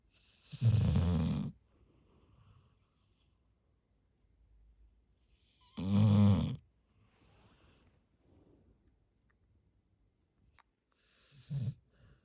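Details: Loud, deep rattling snores from a sleeping large retriever dog, spaced several seconds apart, with quieter breathing between them; snoring.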